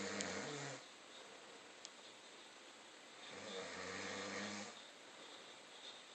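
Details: Person sleeping, two low, rattling, buzzy snores on the breath in, separated by a quiet pause; ordinary snoring.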